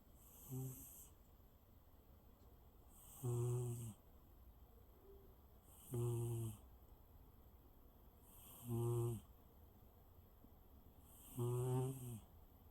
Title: My Cat Floki Snoring Contentedly